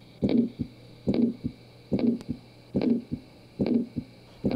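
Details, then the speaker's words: Simulated heart murmur from a leaking valve, about 71 beats a minute: whooshing murmur blurring into each beat, louder as the leak worsens, like squeezing a garden hose. "as the valve starts to leak more you'll hear a louder sound as if you're squeezing a garden hose"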